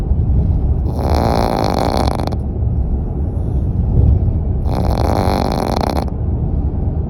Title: Puppy snores